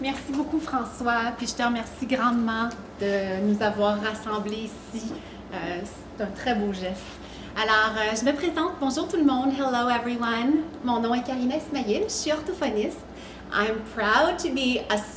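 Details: Adult woman; normal speech.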